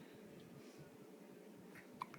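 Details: Single short, squeaky hiccup from a newborn boy against quiet room hiss; jaundice is expected due to a parental blood-type mismatch: hiccups.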